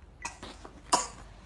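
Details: Mild child's cough: a few faint, short throaty bursts then one sharper cough in a quiet room; children often cough when short on rest or after long journeys.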